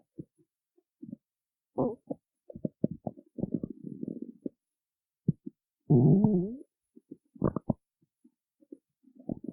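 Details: Said to be starving after not eating before a performance: irregular gurgles, squeaks and short rumbling bursts from the stomach; stomach growling (borborygmi).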